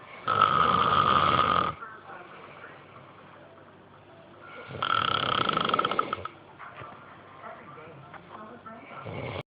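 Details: Snoring: loud, rattling snores on each in-breath, two full cycles with quieter breathing between.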